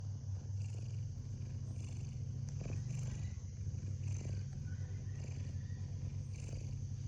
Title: A cute cat sleeps comfortably and makes snoring sounds.